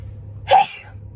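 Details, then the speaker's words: Girl sneezes once and says she needs to sneeze, then thanks herself: one brief, sharp burst of breath with a voiced catch against low room hum. "I need to sneeze thank you thank you very much why did I say thank you after I sneezed"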